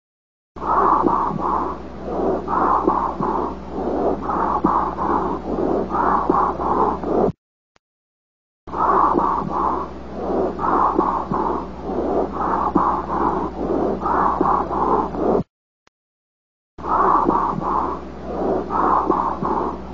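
Whispered syllables come through the chest wall unusually clearly, which is whispering pectoriloquy, a sign of lung consolidation.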